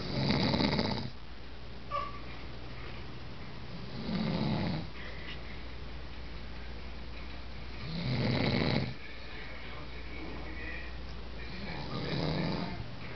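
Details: Adult man (the uploader's father) asleep, with loud, rough snores on each breath in, about 16 a minute, over a steady low room hum; snoring.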